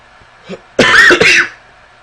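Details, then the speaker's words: A single short, harsh cough, close to a throat clear, from an adult who coughs repeatedly, in a quiet room; cough. "God, sorry. You'll hear coughs a lot."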